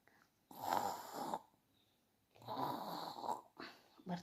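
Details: Child asleep in a quiet room snoring, with rough, rattling breaths at roughly 30 per minute.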